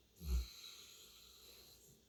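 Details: St. Bernard dog: a single loud, low rumbling snore fading into quieter breathing; snoring.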